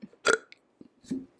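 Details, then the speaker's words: Deliberate, self-induced burp during a podcast conversation: a short, loud voiced belch then a softer second one; normal eructation. "burped i don't really burp like that like i can make myself burp you can make yourself burp"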